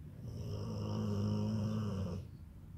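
A single long, low, rattling snore on an in-breath, about two seconds long. Ordinary snoring.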